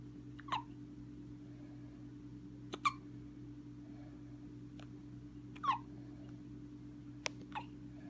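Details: Child with his father: soft, brief hiccups recurring every few seconds, about four in eight seconds, over a steady low room hum; hiccups.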